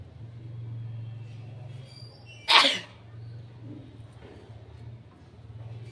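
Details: Single loud, explosive sneeze over a steady low hum of room or vehicle noise, made for a requested sneezing and nose-blowing challenge by an adult who says they are feeling unwell.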